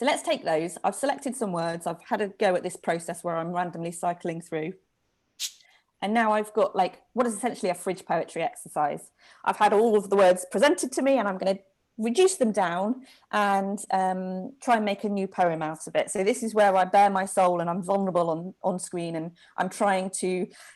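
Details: Adult speaker; ordinary speech.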